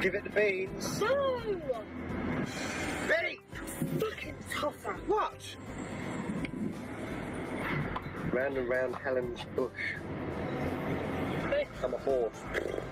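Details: Tourette syndrome vocal tics in a driver with Tourette's and ADHD, with interjected tic utterances while speaking during driving.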